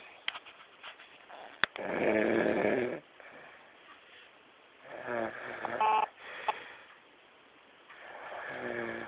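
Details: Loud snorer: irregular rough, fluttering snorts on the breath, some with a buzzing tone, over faint room noise; snoring.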